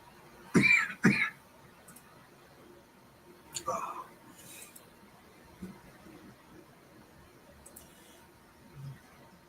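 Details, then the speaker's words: Congested adult who was coughing all night and has taken medicine gives two quick, loud cough bursts followed by a softer throat-clearing in a quiet room; cough. "And hopefully I can get some sleep because I was coughing all night."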